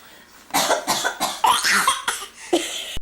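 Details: Grandmother asked to cough for a toddler: a quick run of about six deliberate harsh adult coughs, playful voluntary cough.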